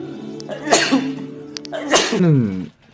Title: SNEEZING IS SO CUTE